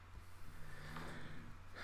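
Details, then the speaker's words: A pet snoring in the background during a drawing stream: low, rattling, snorting snores, faint beneath a steady hum. "if you can hear snoring in the background by the way that is just metal snoring away it's very cute"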